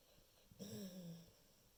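One brief, low, buzzing breath sound in a quiet room: a soft snore.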